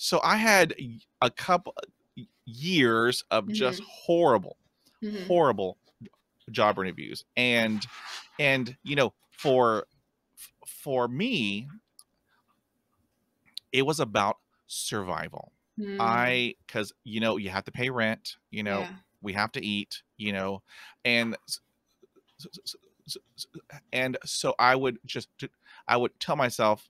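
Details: Adult woman who has stuttered since childhood, first seeking help in seventh grade; blocks where nothing comes out and repetitions; stuttering.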